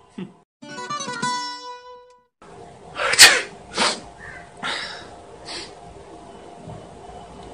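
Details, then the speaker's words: Brief music, then a sharp acted sneeze burst followed by a few softer bursts, in a staged Hindi comedy sketch; simulated sneeze. "तूने God bless क्यों नहीं? मतलब? तुमने God bless क्यों नहीं बोला? अरे गॉड ब्लेस यू."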